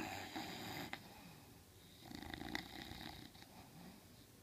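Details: English Bulldog sleeping on the couch with soft, rough snorting breath noises and quiet room noise; snoring.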